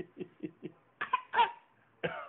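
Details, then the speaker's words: Child with a cold gives a rapid run of harsh coughs, the later ones louder with a brief squeaky tone: bad cough. "buddy you okay how's that call oh you got a bad cough don't you"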